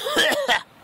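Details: Cat coughing: two quick, harsh, throaty bursts with a hacking, slightly voiced quality in a short coughing episode.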